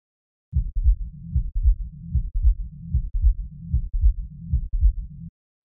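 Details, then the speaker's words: Teaching example of a mitral stenosis murmur in sinus rhythm: regular low-pitched heart sounds at about 76 a minute with a rumbling diastolic murmur rising just before S1, presystolic accentuation from atrial contraction forcing blood through the narrowed valve. "is called precistolic accentuation where the murmur gets louder just before S1 due to atrialcy forcing blood through the narrowed valve."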